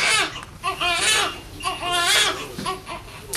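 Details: Repeated loud, high-pitched wailing cries of a newborn girl minutes after birth, while nurses clean and check her, with room noise; a normal vigorous newborn cry.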